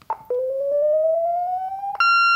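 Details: Corpuls3 defibrillator charging at a manually selected 50 joules during a daily function test: a pulsing electronic tone climbs steadily in pitch, then settles into a steady high ready tone.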